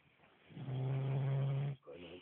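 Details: Drunk adult man asleep after drinking on Men's Day gives a loud, low, buzzing snore on one breath, then a softer rattling breath; snoring.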